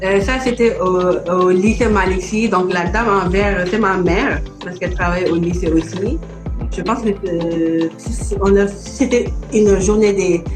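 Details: Adult Senegalese woman who stutters: stuttering.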